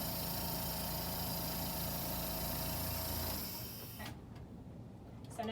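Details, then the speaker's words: Portable suction machine tested before tracheostomy suctioning in a student nursing demonstration: pressure set to five to ten, catheter occluded; steady motor drone, then switched off, leaving quiet room noise. "i'm going to turn it on i'm gonna occlude and it is between five and ten"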